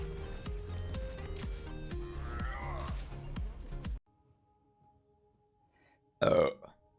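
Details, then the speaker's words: Woman burping on a livestream, saying there's a lot of gas: music plays, then after a pause a single loud, voiced belch. "sorry guys there's a lot of gas and that happened oh sorry"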